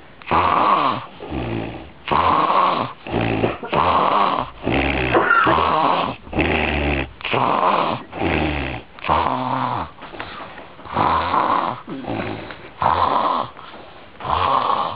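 Fast, loud, rumbling snores on each breath, about 34 a minute, in a steady run; heavy snoring.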